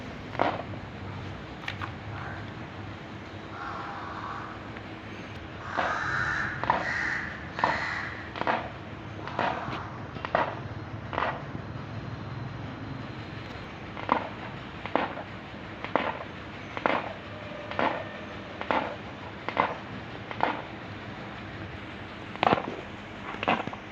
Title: Teeth grinding in animal due to abdominal pain